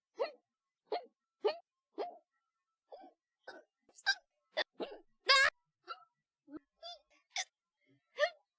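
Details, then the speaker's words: Adult streamer with repeated hiccups: sharp, brief voiced hiccups about every half second to second, roughly fourteen in eight seconds, in a quiet room. "anymore hello hick I'm going to hick again come on where is it have I One V one the hiccups have I actually done it did I did did my trick actually work after the like fifth try"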